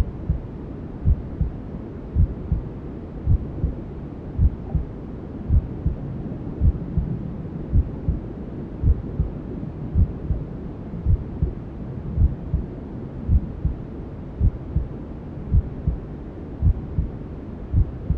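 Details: Simulated newborn sleep-aid ASMR: steady, soft low thumps at about 54 a minute, muffled under a constant rushing white-noise hiss, imitating a mother's heartbeat and womb sounds heard before birth; heartbeat with white noise.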